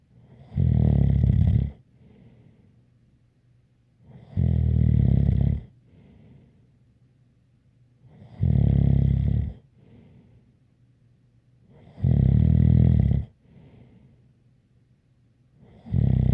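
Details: ASMR snoring recording: loud, regular rasping snores about every 3.7 seconds, roughly 16 a minute, with a faint whistle and quiet gaps between breaths; snoring with a light whistle.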